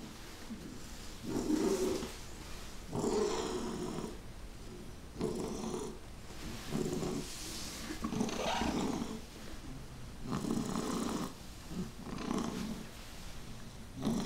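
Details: Child wheezing: harsh, rattly noisy breathing heard with each breath in and out.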